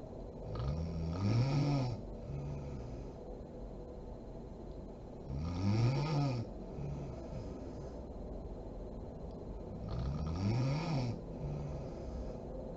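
Three loud, rattling snores on the in-breath, about 13 a minute, each followed by a softer breathy out-breath; steady snoring during sleep.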